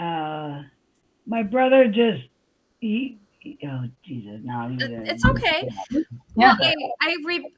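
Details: Adult woman with aphasia after a stroke on July 6, 2021; she can talk but cannot think of the words; aphasia.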